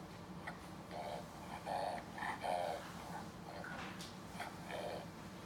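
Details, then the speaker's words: Brachycephalic French Bulldog having a reverse-sneeze spasm: rapid, repeated snorting inhalations through the nose; reverse sneezing. "I'm going to play you a clip on the dog it is a brachycephalic little French Bulldog that is having an act spasm and so so you know what to look out for"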